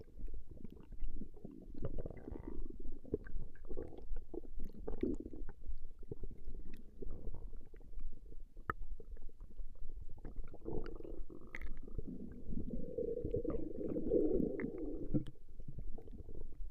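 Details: Woman's stomach recorded growling: continuous low gurgling and rumbling with bubbling surges; ordinary stomach growling, normal bowel sounds (borborygmi).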